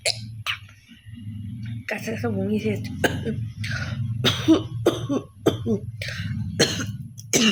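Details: Woman deliberately performing a coughing and hocking challenge: repeated throat-clearing hacks and short coughs mixed with voice sounds, done on purpose rather than spontaneously.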